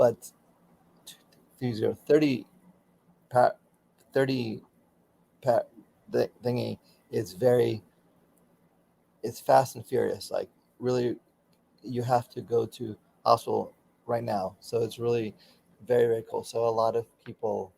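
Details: Adult man, former critical care and flight paramedic, with aphasia for about 13 to 16 years following a stroke during surgery; still in ongoing speech pathology therapy; aphasia.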